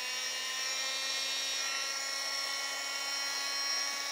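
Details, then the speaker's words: Steady high-pitched whine of an oscillating cast saw, whose blade shakes back and forth rather than spinning, cutting through a long leg cast during removal on a young pediatric patient. "the blade itself just oscillates it shakes back and forth really fast okay it doesn't spin around like the kind of saw that maybe your dad uses to cut wood right"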